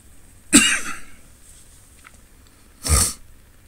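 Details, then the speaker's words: Adult man with a cold, getting over it with a lingering throat tickle: two loud, harsh single coughs a couple of seconds apart over a faint background hum. "so again i apologize for the the coughing a bit here i've uh i've got a little bit of a cold going through the family and um i'm just uh just kind of getting over it but i still got a little bit of tickle in my t"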